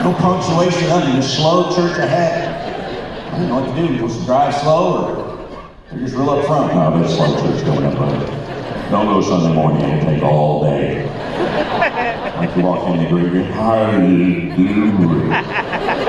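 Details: Man, a former Christian rock record producer, with incurable spasmodic dysphonia that began at the height of his career and progressively worsened until his voice was gone; vocal coaches and doctors did not help; disorder audible in his current voice: spasmodic dysphonia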